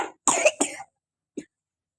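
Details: Coughing during a cold: a short harsh burst, two hacking coughs, then a faint final cough.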